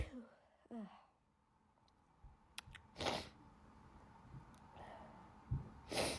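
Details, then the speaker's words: Two sharp sneezes about three seconds apart with quiet breathing between, from a person who says they are not sick but have allergies, sneezed all day at school, have a very itchy nose and cannot stop; allergic sneeze. "I'm gonna sneeze. I sneezed all day at school today. I'm not sick. Just allergies again."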